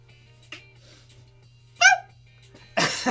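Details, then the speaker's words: An adult imitates how another person sneezes, with a short voiced 'ah' build-up, then a loud breathy burst over a low steady hum: imitated sneeze. "That's how Monica sneezes. And she builds up to it too."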